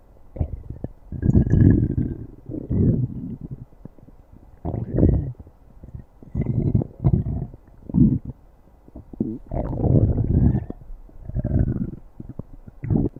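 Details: Stomach growling (borborygmi): low, rumbling gurgles that come and go in irregular bursts, from gas and fluid moving through the gut.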